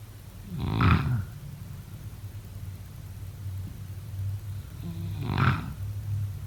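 Two low, rattling snores about four to five seconds apart over a steady low hum of room noise.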